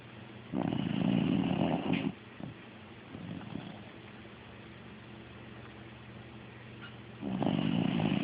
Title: Dog snoring